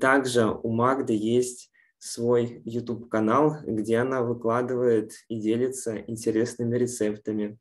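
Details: Adult male speaker; normal speech.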